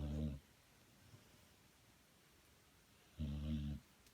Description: Pet pit bull Nina snoring as my dad tries to sleep